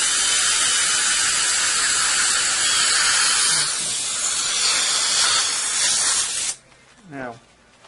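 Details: Steady high hissing dental handpiece whine with water spray for about six seconds, then stopping, while adjusting a too-tight contact on a replacement bridge, upper left; patient had a loose, roughly 12-year-old bridge with a hidden root infection.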